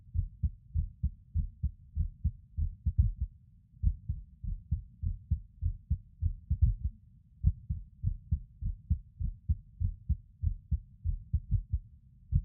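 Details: A male records his own heartbeat while lying on his bed: low thumps near 100 a minute with uneven spacing and occasional pauses, fitting skipped heartbeats with an irregular rhythm.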